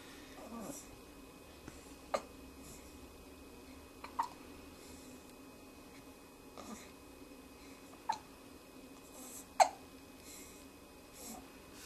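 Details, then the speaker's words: Little one asked if she has the hiccups: sharp, brief, hiccup-like sounds about every two seconds, five or six in total, in a quiet room: hiccups. "do you have the hiccups do you have the hiccups little cutie huh do you have the hiccups little cutie"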